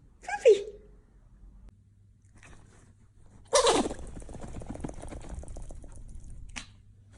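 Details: Small female Pomeranian gives a few short, forceful sneezes that shake her whole body, with quiet room noise between them.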